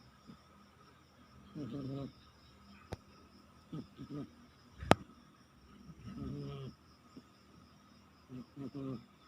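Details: Sleeping cat snoring: soft, irregular rattling snores with faint room noise and one sharp click.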